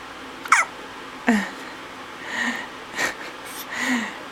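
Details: Baby boy who often gets hiccups when he eats and had hiccups daily in the womb gives several short, sharp, irregular hiccups with soft vocal sounds between, smiling between them; infant hiccups.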